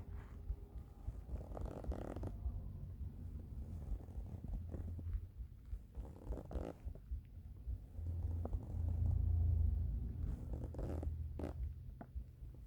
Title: Hungry stomach rumbles